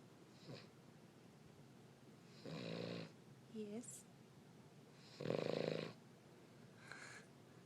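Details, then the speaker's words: Two coarse, rattling snores from a sleepy King Charles spaniel, the second louder, with a brief high whine between, possibly with eyes open, in a quiet room; snoring. "but are you snoring with your eyes open"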